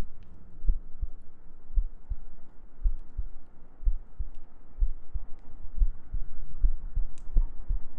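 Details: ASMR sleep-aid girlfriend cuddle role-play with heartbeats, gentle breathing and humming: steady, soft paired thumps at about 70 beats a minute over a low hum; a normal, regular heartbeat.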